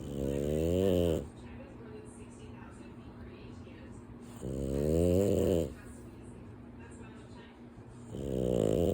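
Loud, rough, rumbling snores on each breath in, about every four seconds, with quieter exhalations between; snoring.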